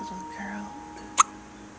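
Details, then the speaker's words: Baby with hiccups, who hiccuped often in the womb: a single sharp, abrupt infant hiccup against quiet room hum and faint music. "so sorry you have the hiccups. You used to get the hiccups all the time when you were in Mama's tummy."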